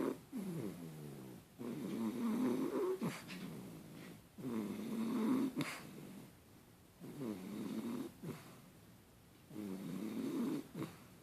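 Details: Sleeper snoring in a quiet room: four rhythmic rattling snores about every three seconds, roughly 20 breaths a minute; ordinary snoring.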